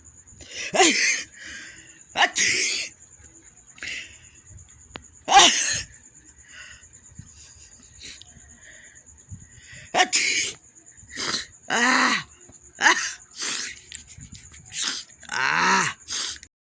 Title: Allergy Sneezes Philippines 🇵🇭.